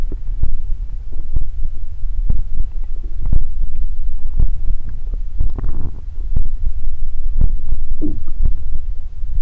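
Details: Low muffled rumbling with soft thuds and brief gurgles, recorded very close; normal stomach growling (borborygmi).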